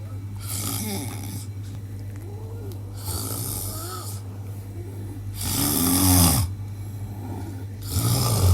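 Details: A father's heavy, loud snoring: rough breathing sounds at about one every two seconds over a steady background hum.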